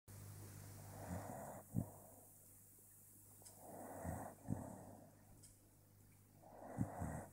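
Slow, rough rattling breaths with soft snorts, about 20 a minute: snoring.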